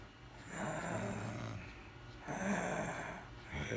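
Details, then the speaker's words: Adult woman snoring during sleep, a nightly occurrence: low, rough, rattling breath sounds in a quiet room, two long snores a few seconds apart. "hear bullshit all fucking night. This what the fuck I gotta put up with every fucking night."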